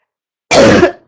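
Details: Girl, sick, saying mucus earlier but now none and finding it hard to breathe without coughing; a harsh throat-clearing burst running into a short cough, no wet rattle.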